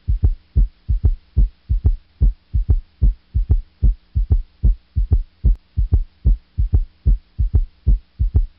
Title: S3 heart sound